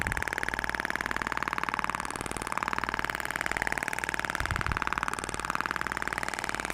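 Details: Steady, rapid mechanical tapping at about 128 pulses a minute from a radial extracorporeal shock wave therapy (ESWT) applicator in a facial protocol, with 6000 shots distributed over the face.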